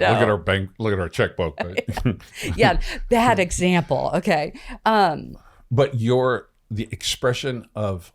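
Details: Adult speaker, likely male; normal conversational speech.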